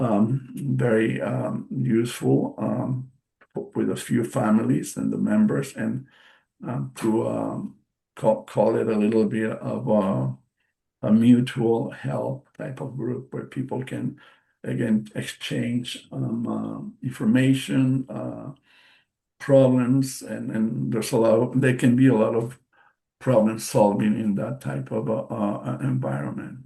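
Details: Aphasia after a stroke in March 2020 in an adult male bilingual speaker.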